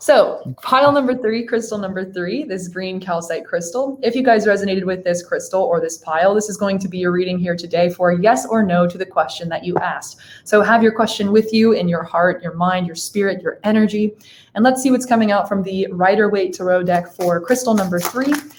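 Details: Adult speaker; normal speech.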